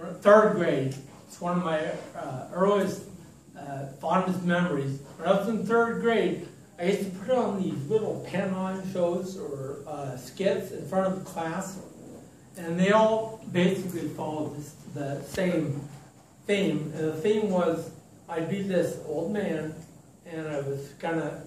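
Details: Adult man with ataxia, diagnosed in 2003, which has affected his speech, giving a support-group talk; ataxic dysarthria.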